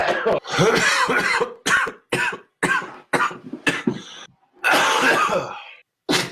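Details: Adult coughing compilation: repeated loud, harsh cough bursts and throat clearing with short pauses between; the person mentions being out of cigarettes.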